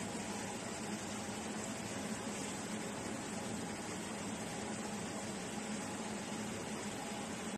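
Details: Great Star dental external oral suction unit in a demonstration: steady airy hum and hiss of the unit running continuously.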